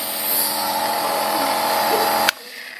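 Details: Promist nebulizer compressor running during an operating demonstration: a steady loud buzzing hum that stops abruptly with a click when switched off.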